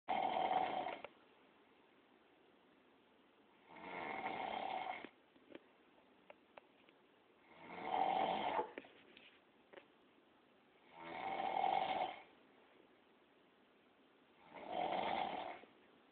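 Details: Snoring, loud like a walrus: regular rasping snores on each breath, about 18 a minute, with quiet gaps between them in a small room.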